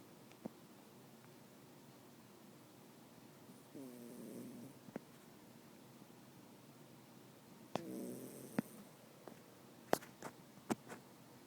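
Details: Sleeping dog giving two soft, short snores on the in-breath a few seconds apart, with scattered clicks and taps around it; snoring.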